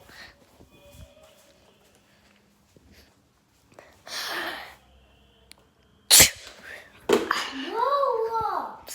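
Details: Pretend sneeze staged as a prank on a brother while spraying him: a sharp explosive sneeze-like burst in a quiet room, followed by vocal sounds.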